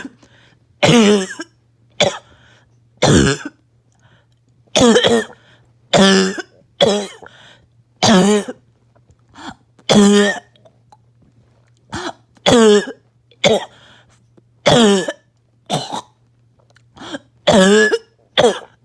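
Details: Repeated harsh, hoarse, honking cough bursts in uneven runs with pauses, over a faint steady hum, while on strong medication with little chest pain; a barking cough.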